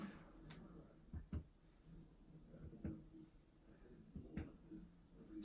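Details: A handful of soft, hollow taps over a woman's anterior chest during a physical assessment exam in a quiet room, giving a normal resonant percussion note.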